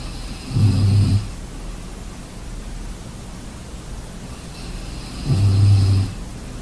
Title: Sleeping sounds Snoring enjoy